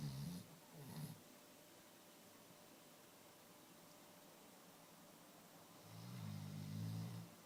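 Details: Chocolate Labradors snoozing and snoring.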